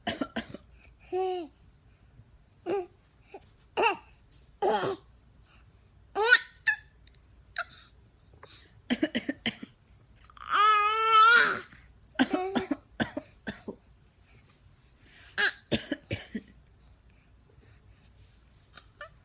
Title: baby imitating cough